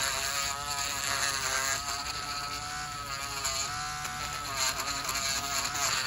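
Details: Male dialysis patient, one year on dialysis, with high blood pressure and thickened fungal toenails: high-pitched whirring drill with shifting tone as a podiatric nail burr grinds down the nails.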